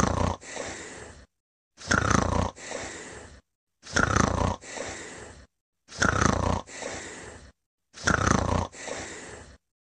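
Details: Snoring at bedtime during sleep: loud, heavy rasping snores on both breathing in and out, about six breath cycles with short pauses between.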